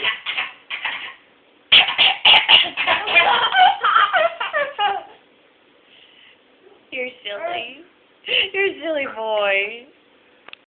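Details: A mother gives a run of sharp, harsh coughs after choking on her dinner, followed by an infant's bright giggling laughter in a small room: cough.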